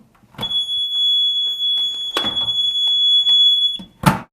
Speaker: To first start grabbing an AED, you just pull open the door. Oftentimes there will be a loud alarm associated with it.